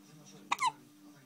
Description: Cutest baby hiccups and falls asleep!!!!!